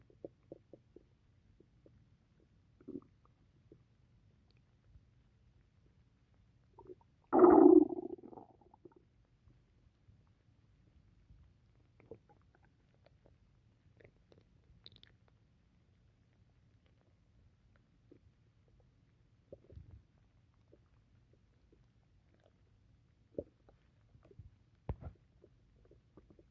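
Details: Stomach after drinking tea: one loud gurgling rumble among scattered faint clicks and gurgles from the belly, said to happen whenever tea is drunk; borborygmi.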